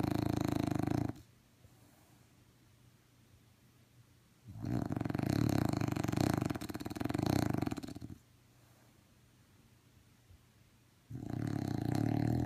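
Loud, rough snores in long sleep breaths with quiet pauses between them: a dog snoring.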